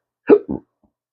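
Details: Adult man with chronic hiccups: a single abrupt hiccup, a sharp voiced catch followed by a short trailing sound.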